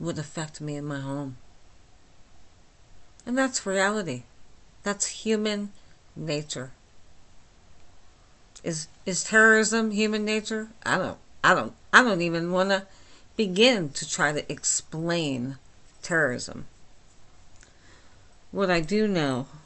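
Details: Adult woman with myasthenia gravis since age 8, with talking and swallowing problems, speaking without her usual speech appliance: myasthenic dysarthria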